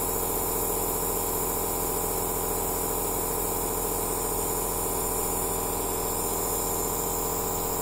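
Continuous compressor drone with fast regular pulsing and airy hiss, an aerosol therapy machine in operation.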